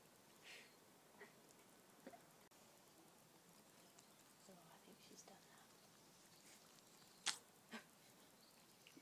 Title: Chicken Sneezing